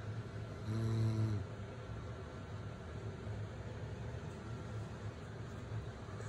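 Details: Sleeping baby after a day at the beach; a single low, buzzing snore on an in-breath, then quiet breathing under steady low room rumble; the snoring is attributed to the mother, not the baby.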